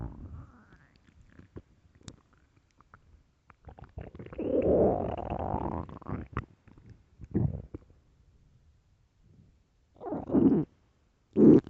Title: really loud stomach growls